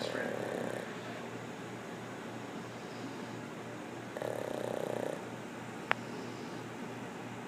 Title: Pug snoring on Puggle!!